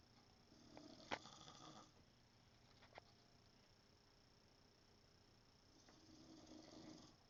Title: mom still snores